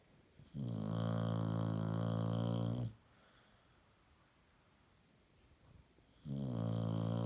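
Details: Female dog napping after a hard day of play gives loud, deep, buzzing snores about two seconds long, separated by quiet pauses of a few seconds; steady rhythmic snoring.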